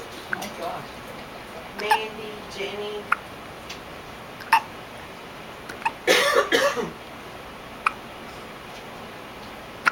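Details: Synchronized hiccups: about six short, sharp gulping clicks at uneven intervals over quiet room noise and brief voices.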